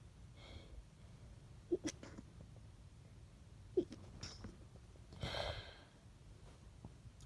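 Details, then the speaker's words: Two short sharp sneezes and a breathy gust in a quiet room from an adult sick with a cold since Christmas Day, with talk interrupted by sneezing. "I can't really talk long without sneezing."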